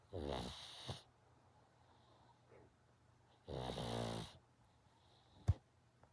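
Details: A sleeping one-eyed rescue pug snoring: two loud rattling snores on breathing in, a few seconds apart, in a quiet room.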